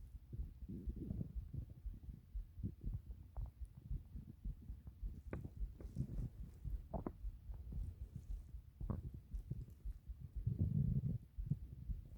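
Low, irregular gurgles and rumbling bubbling sounds, with a louder rolling growl near the end. Ordinary stomach growling.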